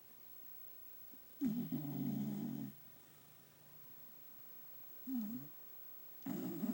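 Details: Scooter, a male Beagle, asleep at 1pm, twitching and snoring: soft, low, wavering snorts on in-breaths a few seconds apart in a quiet room.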